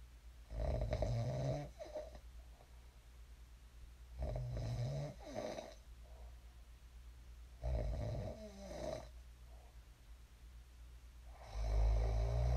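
Regular low rattling snores with each breath in, about every 3.5 seconds (roughly 17 a minute), in a quiet room; ordinary sleep snoring.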